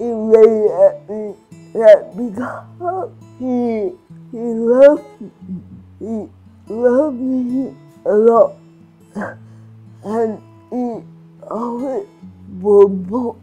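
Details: Adult woman with cerebral palsy and restricted movements; slurred speech, described by her teacher as difficulty speaking clearly; dysarthria (slurred speech) in cerebral palsy.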